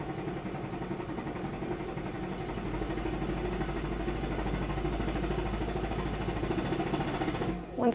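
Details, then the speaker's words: High-frequency chest wall oscillation vest on a cystic fibrosis patient, final cycle at 14 Hz, pressure 6, six minutes: steady low mechanical buzzing drone with rapid pulsing; huff coughs follow each cycle. "then i will finish up with the last cycle which is a hertz of 14 pressure six and the time remains at six so basically with this protocol the only thing changing is your hertz each time"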